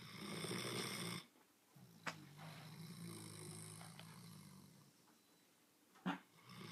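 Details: Low, fluttering snore on a breath in, followed by quiet breathing and a short snort; snoring.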